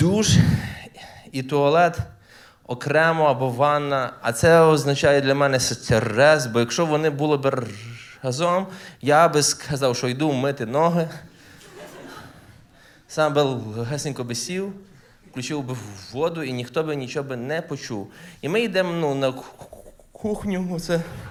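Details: Adult male stand-up comedian who says he stutters, performing live; genuine self-reported stuttering.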